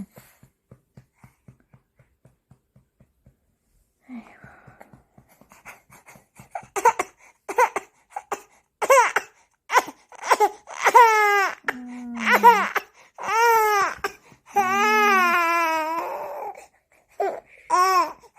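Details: Baby crying while being burped: soft grunts give way to rising, wavering cries in short bursts, with fussing in between.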